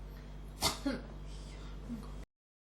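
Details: Persistent cough, throat irritation that won't clear: a single sharp cough burst followed by a smaller throaty catch over steady room hum.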